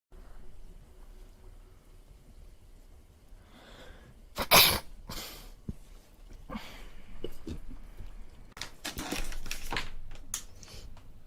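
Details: Young Chinese woman with allergy: sharp, wet sneeze after a short inhale, followed by sniffing and further explosive sneezes in a quiet room.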